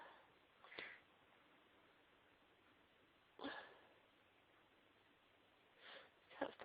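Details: Sneezing fit: several short, high-pitched sneeze bursts, about four in six seconds, with quiet gaps between.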